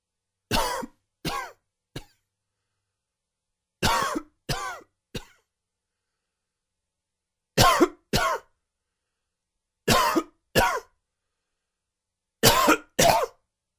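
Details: Quick, dry, wheezy cough recorded as plants start to bloom: twelve short, dry coughs in five quick bouts, each with a faint whistling edge.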